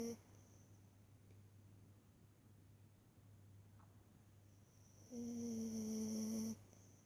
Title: Boo snoring on blankie, summer 19